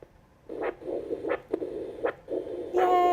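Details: Rhythmic whooshing Doppler pulse, about 80 a minute over hiss, from the lateral wrist under the thumb of a human demonstrator, probe concave side, volume medium, then a beep at the end; normal arterial flow signal, veterinary spay/neuter monitoring demonstration.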